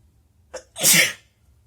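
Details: A brief inward catch of breath, then one loud, explosive sneeze in a quiet room, after trying to provoke a sneeze that only made the nose itchy; an ordinary sneeze.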